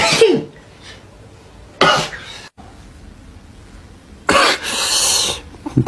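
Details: Three sharp, noisy sneezes separated by pauses, the last followed by a hissing exhale, from an adult male K-pop singer on a livestream, said to have allergies.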